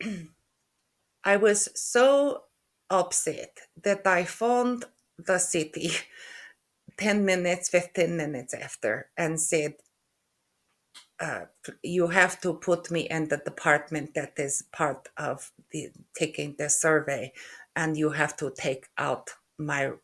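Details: Aphasia in a woman after a stroke in November 2023, with word-retrieval difficulty (anomia), word mix-ups, halting speech, syntax errors and impaired comprehension of spoken language.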